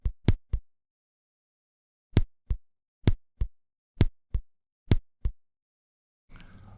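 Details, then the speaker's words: Simulated heart sounds with paired extrasystoles (couplets) heard as three beats in a row, with an early beat and a long pause, then regular beats near 66 a minute. "рагмент парная экр систоли хорошо видна на кг будет слышна хорошо и аускультативно Однако что это парна экстрасистол уверенно сказать не сможем нам будет казаться три сокращения идущих подряд"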